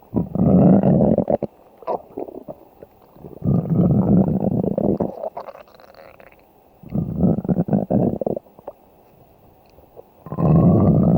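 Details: Stomach growling (borborygmi): long, loud, low rumbling gurgles in four bursts separated by quiet gaps.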